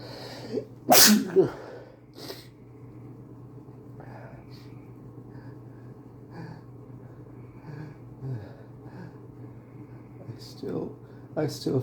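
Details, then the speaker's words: Person repeatedly sneezing, nose tickling, trying to stifle sneezes that keep getting bigger; one loud explosive sneeze then a smaller one, followed by quiet breathing and small sniffs over a faint room hum. "I'm just so sneezy today. I I keep having to sneeze. I I think my sneezes are getting"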